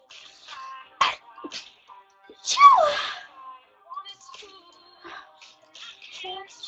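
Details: Sneezing, one of eight sneezes in a row: a short sharp burst, then a louder explosive sneeze with falling pitch, over background music.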